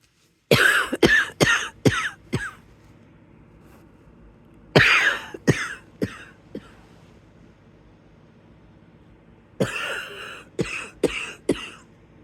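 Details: Wheezy cough in bed at the beginning of the illness: three bouts of rapid harsh coughs, about fourteen in all, with a wheezy rattling edge in a quiet room.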